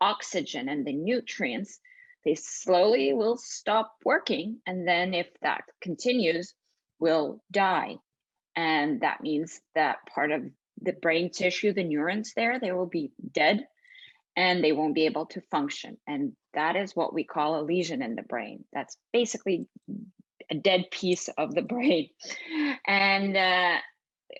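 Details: Adult woman speaking; normal speech.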